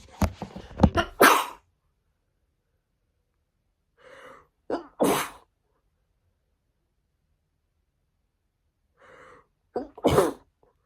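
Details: Woman on the second day of a cold: three sneezes, each with a sharp in-breath then a forceful burst, separated by quiet pauses; repeated sneezing she can't stop.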